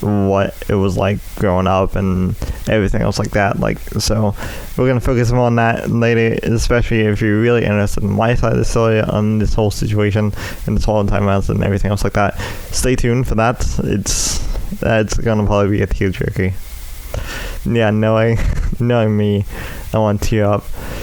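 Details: Adult male with cerebral palsy affecting the right side of his body (right leg and arm), which he says also causes his speech impediment; dysarthric speech (cerebral palsy).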